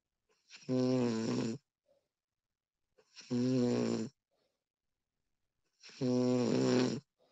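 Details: Female snoring during sleep, professionally recorded: three loud, rattling snores on the in-breath, roughly one every three seconds, with quiet pauses between them.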